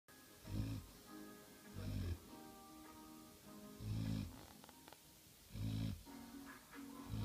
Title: Dog snoring